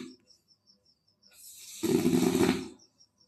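A single loud, rough, low rattling breath sound lasting about a second, rising out of a quiet room: a snore.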